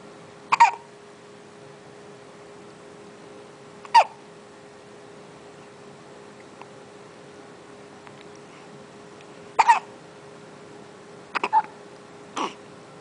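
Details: A 1-month-old baby boy with hiccups: short, sharp bursts, about six in 13 seconds at uneven intervals, over a steady background hum; infant hiccups.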